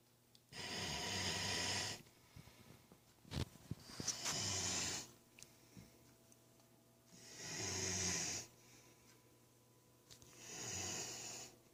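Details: Snoring: three to four long, harsh rattling snores at about 19 a minute, with quiet gaps and a few soft snorts between them.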